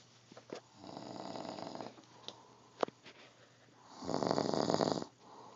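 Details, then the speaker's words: Very tired man asleep and snoring loudly: rough, fluttering breath noises with a louder rattling snore near the end, mixed with small room clicks; snoring. "Beware of the dreaded sleeping, snoring frog."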